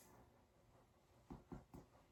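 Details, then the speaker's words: Normal resonant percussion note over the right anterior chest from the third intercostal space downward, then mid-axillary line in a ladder pattern on thorax examination: three hollow taps, resonant throughout, no dullness or hyperresonance. "i hear that that all his lung sounds are resonant i don't hear any dullness or hyper resonance"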